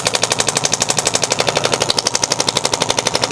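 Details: Radial shockwave therapy on a female student's shoulder for backpack-related shoulder pain, her first session, working along the scapular border at steady pressure; rapid, very regular percussive pounding, about four strikes a second, like a very strong Theragun slapping the skin.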